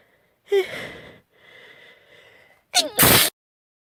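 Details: Girl sneezing: a breathy build-up with a catching gasp and soft exhalation, then a sharp explosive sneeze after a persistent nasal tickle.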